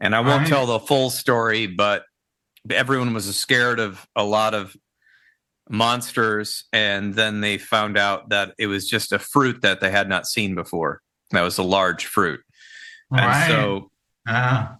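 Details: Adult male speaker; normal speech.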